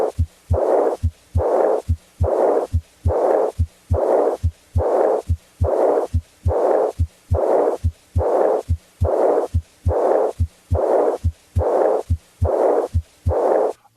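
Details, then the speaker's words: Early diastolic murmur, as in aortic regurgitation: regular heart sounds with a blowing murmur starting right after S2 without a discernible gap, fading into silence before the next S1. "an early diastolic murmur as in a or decree vegetation starts right after s2 without a discernible gap usually fades into silence before the next one"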